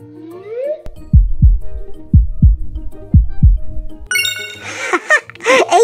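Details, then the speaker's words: Cartoon heartbeat effect in a children's show: deep paired thumps at about 60 a minute over light music, then chimes, as a pretend vet checks a baby turtle; a healthy heartbeat. "very healthy heartbeat awesome sauce"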